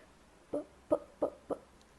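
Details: Stuttering (sound repetition) demonstrated by a speech-language pathologist imitating a child who stammers: a sound repeated many times with struggle before the target word comes out.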